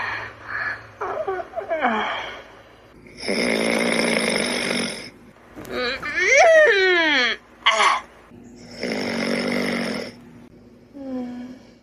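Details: Long, loud, rough breathing sounds alternating with squeaky, whistling noises in an irregular pattern, from a sleeping dragon outside; loud snoring.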